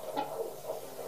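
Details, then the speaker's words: Pregnant woman with gestational diabetes at a prenatal check: rapid, whooshing pulsed fetal heartbeat picked up by Doppler, with a fetal kick noted; good fetal heartbeat. "Good heartbeat"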